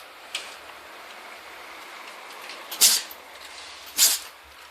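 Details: Dog sneezing: two sharp, hissing nasal bursts about a second apart with a fainter one before; owner asks whether it caught a cold.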